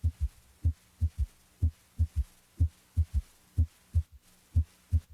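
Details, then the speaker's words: Simulated third heart sound (S3), stethoscope bell placed lightly over the apical impulse: regular low heartbeat near 60 a minute with a soft extra low thud after S2; the S3 disappears with firmer bell pressure. "if the patient had an audible s3 it would sound like this now notice how the third heart sound disappears when the Bell is placed more firmly on the chest wall"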